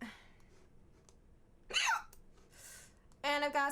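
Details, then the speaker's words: Female streamer with recurring hiccups, possibly from eating too fast: sudden short voiced catches in the throat interrupting quiet breathing and faint voice; repeated hiccups. "hiccup problems going on lots and lots of hiccups I now Siri annoying yeah why do you think that's going away you hear these freaking annoying hiccups"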